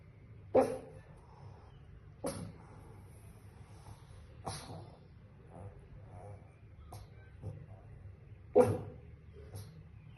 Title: Pug Puppy Hiccups while sleeping